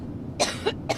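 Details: Adult woman, coughing fit while speaking at a campaign rally: two short, harsh coughs, the second cut off; cough.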